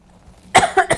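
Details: Adult on a sick day: a single harsh cough followed by two short throat-clearing bursts, in a quiet room.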